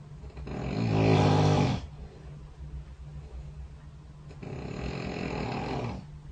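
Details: Two rough, rattling snores on breathing in, about five seconds apart, with quiet breathing between; sleep snoring recorded overnight by a bedside snore-tracking phone app.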